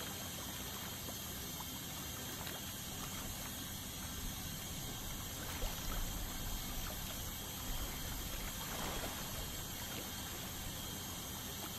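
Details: Ultrasonic dental scaler removing tartar during a dental scaling cleaning: steady high hiss with a fine whine and trickling water spray.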